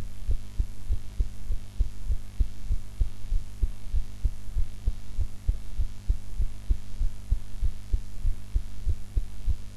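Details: Normal heart sounds self-recorded after eating, in a different posture from usual: steady heartbeat of about 98 beats a minute with regular low thumps over a constant background hum.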